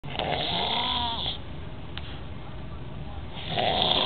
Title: Snoring